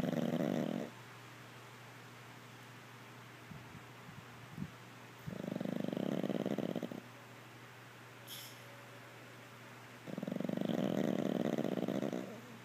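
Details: Chloe, a Pug, passed out asleep, snores loudly and rattlingly about every four to five seconds, each snore lasting about a second, with quiet pauses between.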